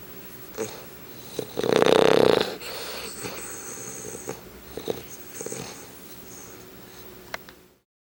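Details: English Bulldog: a loud rattling snore, then softer snuffling breaths in a quiet room; snoring during sleep.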